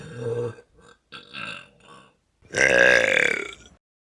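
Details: Vine compilation clip, a few short throaty gulps then one long, loud, rumbling belch lasting about a second: burping.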